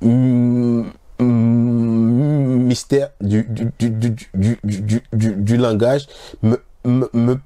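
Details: Adult man deliberately demonstrating voluntary (reverse) stuttering, a stuttering-therapy technique, in severe form on nearly every word with repetitions, in French; voluntary stuttering (severe, demonstrated).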